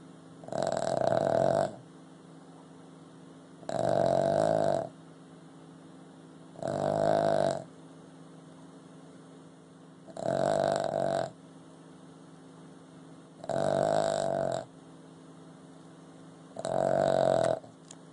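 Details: Boston Terrier snoring while asleep: loud, regular rattling snores, about six in eighteen seconds, roughly 20 per minute.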